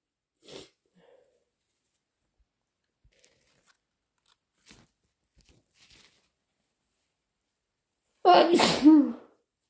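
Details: An induced sneeze from a person with a cold: a single loud sneeze after near silence, with a faint sniff before it.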